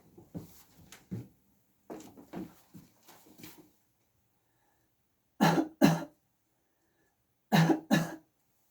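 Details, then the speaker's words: Voluntary cough on request during a medical student's physical chest examination, with the examiner listening to the breath in after the cough: a series of short, dry coughs, some in quick pairs, with quiet pauses between them. "también tenemos la ocultación de la tos en el cual al paciente le vamos a pedir que tosa y lo que nos concentramos nosotros en la inspiración después de la tos"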